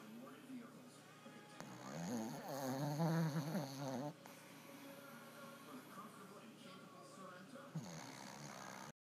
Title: Dog snores